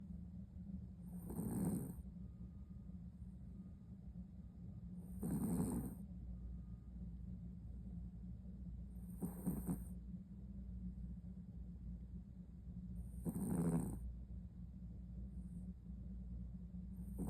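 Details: Sleeping Maltipoo dog: four loud, rough snoring breaths about 4 seconds apart, roughly 15 a minute, over steady low room hum; snoring.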